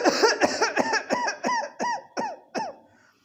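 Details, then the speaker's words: A homeopathic doctor imitates a rapid run of about nine voiced coughs in one breath, fading toward the end, described as coughs coming in quick succession; paroxysmal rapid repetitive cough. "फिर से तो इस प्रकार की खांसी जिसमें एक खांसी के बाद खांसी की फ्रिक्वेंसी इतनी तेज़ी से आती है कि पेशेंट को एक ही सांस में बहुत सारी खांसी आ जाती है।"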